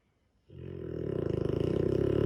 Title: Dogue de Bordeaux - sleeping beauty. Snoring too.